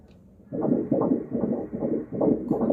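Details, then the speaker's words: Ultrasound Doppler at 16 weeks in a first pregnancy with twins, heartbeat of one twin: rapid, regular whooshing pulses at about 160 beats a minute; normal fetal heartbeat. "এটা একটা বাবু এটা heartbeat Hobbit একটু শোনাই"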